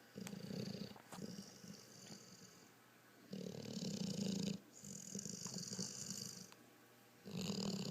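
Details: Pit bull asleep in a chair: rough, rattling breathing rising and falling with each breath, in-breaths noisier than out-breaths; snoring.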